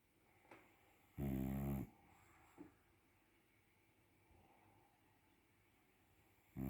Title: When I sleep, I snore. #dog #shorts